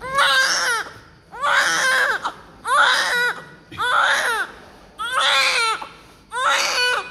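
Six strong, rhythmic wailing cries with pauses for breath, a vigorous normal newborn cry.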